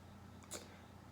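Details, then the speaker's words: A cat with allergies gives a single brief, sharp, hissing sneeze over a steady low room hum. Sneezing. "My cat is sneezing. Sorry. She has allergies, but she's okay. But if y'all was wondering what that noise was, she's sneezing."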